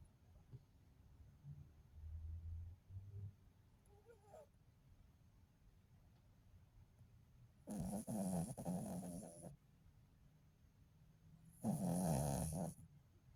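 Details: Sleeping dog that the owner says sometimes snores very loudly: two loud, rough snoring breaths with softer snuffling between them, over low room noise.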